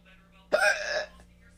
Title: Girl films hiccups until they stop! #shorts